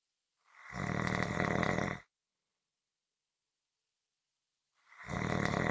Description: This is a 15-minute audio clip of Snoring.